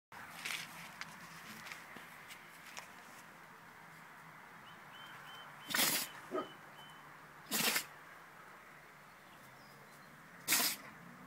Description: Standard Schnauzer dog can´t stop sneeze.